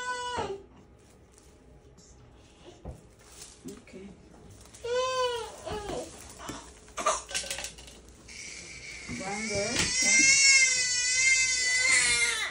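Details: Two-month-old baby crying at routine vaccination shots: brief, rising high-pitched wails between quieter gaps, with an adult voice soothing nearby.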